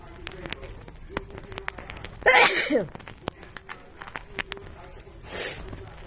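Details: One loud, explosive sneeze burst, then a softer breathy one, against quiet outdoor noise and clicks; ordinary sneezing.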